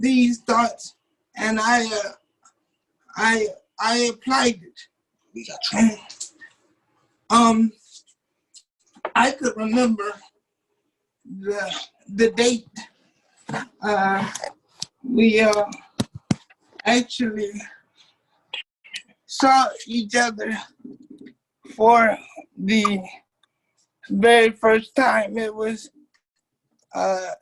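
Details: 27-year-old man with cerebral palsy since birth, muscles not working like others', wheelchair user; doctors told his family he would never talk. Dysarthric speech (cerebral palsy).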